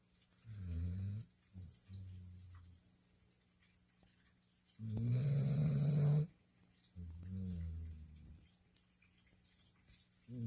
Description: I seated in the sofa with my baby 🍐 when I heard something and I said wait a minute, she is snoring...